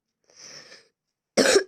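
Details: Cough from a person who says they have fallen ill and apologizes for coughing during game commentary: a faint breathy sound, then one short, sharp cough.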